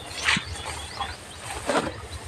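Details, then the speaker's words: Two short, harsh cough-like bursts from the narrator's animal, outdoors on a hot morning with faint background noise; coughing. "Narinig nyo, umuubo-ubo pa yung love skin natin."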